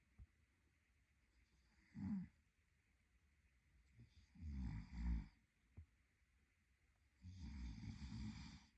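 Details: Soft, uneven snoring breaths with gaps between them from a sleeping boyfriend in a quiet room; snoring.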